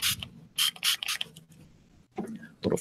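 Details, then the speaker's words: Several short hissing spray bursts from a pump bottle, with quiet room noise between them: a throat spray being used; speaker joked it sounded like deodorant. "spray here so sometimes I thought I thought I was spraying some deodorant there for a minute though"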